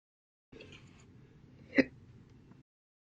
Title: 8/3/21, Quiet, Loud, Slow, Second Hiccups on my Hiccup Day